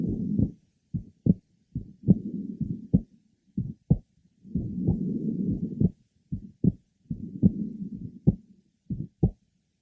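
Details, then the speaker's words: 13-year-old boy referred for a systolic murmur, left sternal border, about 70 a minute. Second sound normally split and widening with inspiration, with a short early-to-mid systolic innocent murmur. "the second heart sound is normally split and widens with inspiration a short early to mid systolic mmma is also present"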